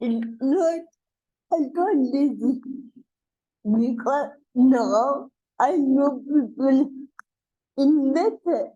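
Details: Adult woman with cerebral palsy, a real speaker in a conversational interview; dysarthria (cerebral palsy).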